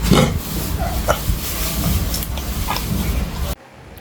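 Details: Dog with a cough being treated with vet-prescribed medicines: several harsh, hacking coughs with a gagging quality, typical of kennel cough.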